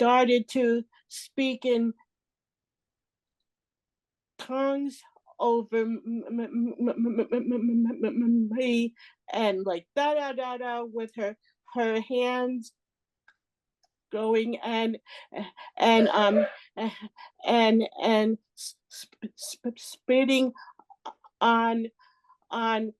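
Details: Older adult who stutters, with repetitions of "I"; stuttering.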